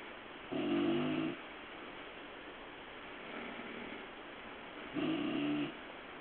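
Two rough, buzzing breath sounds about four seconds apart over steady hiss, consistent with a sleeping cat's snoring.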